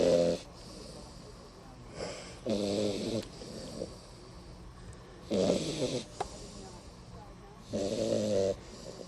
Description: Beagle puppy snoring louder than her 6'1" 280 lb. owner.